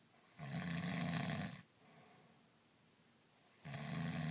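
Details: Adult husband asleep after a day of back-country skiing in Steamboat, snoring: two long, low, vibrating snores on breathing in, with a quiet pause between; ordinary snoring.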